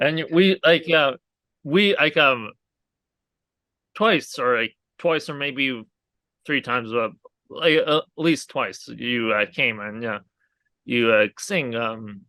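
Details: Aphasia in a male stroke survivor following a hemorrhagic stroke caused by an arteriovenous malformation at age 20.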